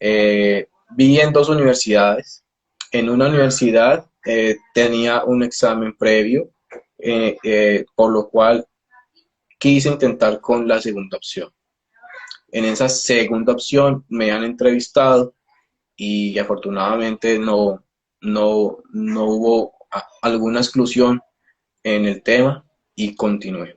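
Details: Adult Colombian speech-language pathologist whose stuttering began at age 13 after health problems and surgery, described as genetic on his father's side; stuttering.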